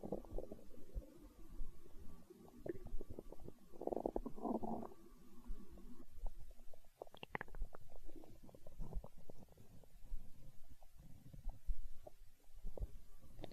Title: Stomach growl